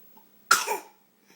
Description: Baby laughs at fake sneezing noises mom makes (warning: mom's voice annoying at times!)